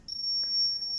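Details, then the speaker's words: Zoll R Series defibrillator training demonstration: sustained high-pitched electronic tone as the device charges to 150 joules before a shock. "Once I see 150 joules here, I'm charging by pressing the charge button."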